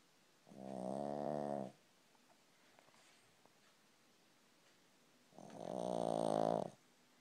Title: A pug snoring on my foot